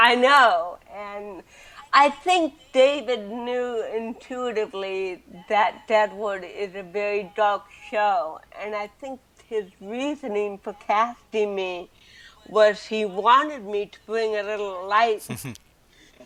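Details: Adult woman with cerebral palsy since birth, also hearing impaired and wearing hearing aids, speaking in an interview; dysarthria in cerebral palsy.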